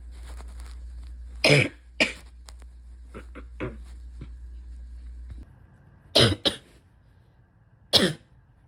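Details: Wet chesty cough in a person with asthma, spring allergies and chronic bronchitis during a likely respiratory illness: several loud coughs with rattly, phlegmy bursts and some throat clearing over room hum.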